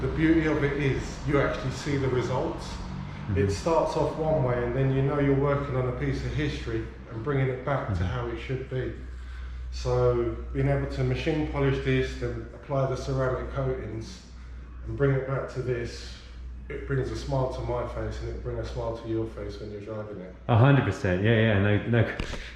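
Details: Adult man speaking; normal voice.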